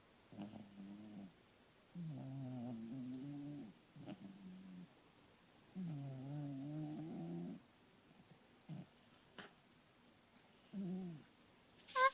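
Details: Soft, buzzing, slightly tonal snores repeat in a steady rhythm every few seconds from a sleeping cat, with quiet pauses between breaths; snoring.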